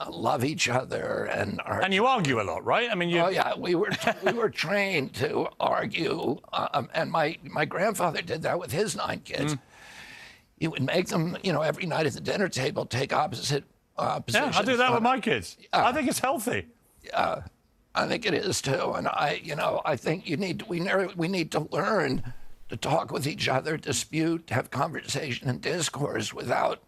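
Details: Adult man with spasmodic dystonia that began at age 42 in 1996, caused by an injury (neurological disorder); his voice was very strong before onset. Finding: spasmodic dysphonia.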